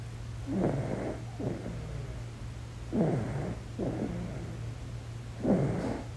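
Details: Sleeping baby snoring: soft, snuffly, rattling snores with each breath, about 24 per minute, over a steady low hum.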